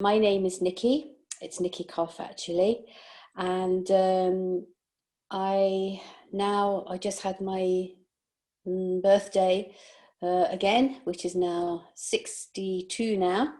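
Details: 62-year-old woman with aphasia after a stroke in her sleep about 18 months earlier. She has word-finding and number difficulties and trouble understanding fast speech; the interviewer suggests it may be more like Wernicke's aphasia.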